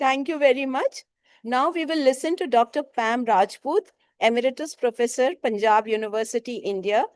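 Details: Adult woman; normal voice.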